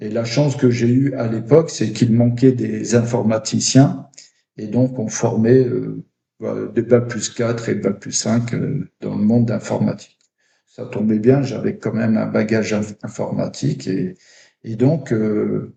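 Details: Adult man who stutters, with blocks. Finding: stuttering.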